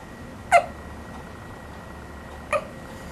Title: 1 minute of hiccups